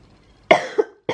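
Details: A child sick in bed with a viral infection, taking tablets and medicines, coughs: a harsh cough burst, a second smaller burst and the start of another.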